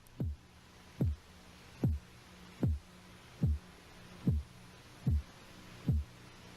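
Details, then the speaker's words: Korotkoff sounds during blood pressure measurement: regular low tapping beats at about 75 a minute; first sound at about 110 mmHg (systolic), diastolic about 62, in a patient with lower blood pressure than the previous one. "see when you see if we can determine when you first hear the heartbeat right about there 110 is the upper number or the systolic pressure for this individual"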